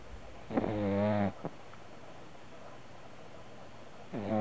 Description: puppy snoring